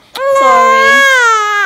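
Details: 2-month-old baby girl at her first checkup: sudden loud, sustained cry with a clear, strong tone, crying from pain after her routine immunizations.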